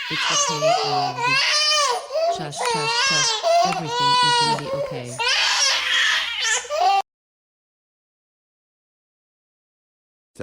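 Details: Loud, high-pitched, rhythmic infant wailing in repeated bursts with short gasps between, then silence; a baby-cry sound effect added onto another video, not a real recording of this scene.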